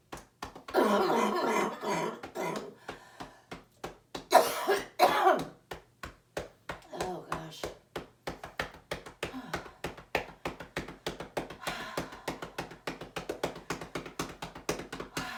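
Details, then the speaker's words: Adult female surgeon on day 23 of COVID-19 with right lung pneumonia: steady rapid chest percussion clapping over the right lung with bursts of repeated short huff coughs on exhale to clear sputum. "she's got dramatic coughing I'll usually slow down a bit just to give her a break and I'll keep working one area till she no longer coughs when I'm working that area"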